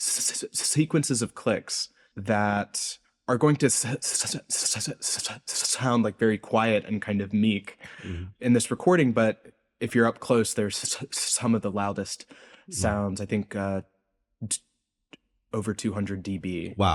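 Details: Adult male postdoctoral researcher, self-reported speech impediment audible throughout an interview; speech impediment (stuttering-like disfluency).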